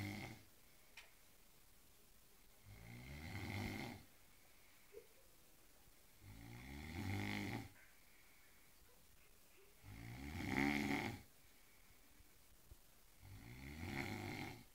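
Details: Steady, fluttering snores on each breath, about 17 per minute, with quiet pauses between them: ordinary snoring.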